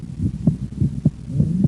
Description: Sound is that of S1–S2 at rest (“out”) and S1–A2–P2 with inspiration (“in”). S2 splits with inspiration because intrathoracic pressure decreases, drawing more blood into the right ventricle and postponing pulmonic valve closure.